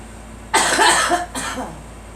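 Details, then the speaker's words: Girl coughing while encouraged to cough out suspected flower allergens, wheezing heard by the caregiver; two harsh, rattly coughs in quick succession, the second weaker; loose cough. "No, I hear wheezing. Let's let it out one more time so stuff will come through."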